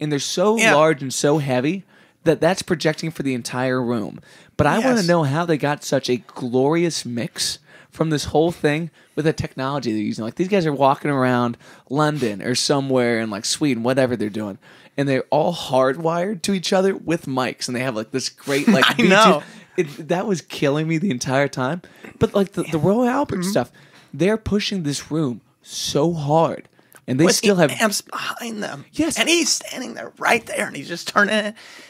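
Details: Adult man speaking; normal voice.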